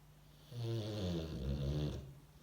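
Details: One loud, low, buzzing snore about a second and a half long from a sleeping Boxer dog after a day's work; snoring.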